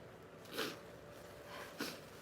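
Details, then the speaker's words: Young Japanese woman sneezing in a quiet room: two short, sharp bursts of breath through the nose and mouth. "くしゃみ出ちゃった。なんかわかんないけどすいません。"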